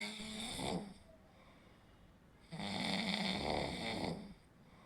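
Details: Two long, rough, rattling breaths separated by a quiet pause during sleep; snoring.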